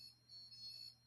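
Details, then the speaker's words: Dolphin Neurostim microcurrent device counting a 10-beep treatment set while moving along a scar for scar release therapy: soft, repeated high-pitched electronic beeps over quiet room noise. "depending on how well I know the patient and I'm going to do a 10 count of beeps now I'm going to move down"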